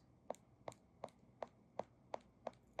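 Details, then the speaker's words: An adult woman moves her ankles while recording a podcast, producing ankle popping; this is a frequent popping of hers that sounds like popcorn on stairs; joint cracking (crepitus). "Oh, that was my ankle popping. Do you guys have a bone that pops often? For mine, it's my ankles."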